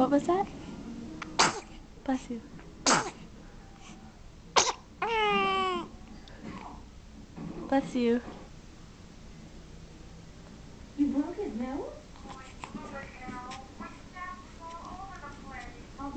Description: But I caught her sneezing at the end of the video she sneezed and when she sneezes she makes a cute noise i will remember for the rest of my life